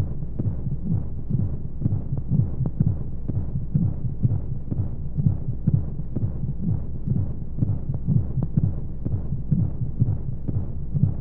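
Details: Womb-sound sleep aid for babies: soft regular low thumps at about 60 beats a minute over a steady low whooshing hum of flowing white noise, a heartbeat as if heard from inside the womb.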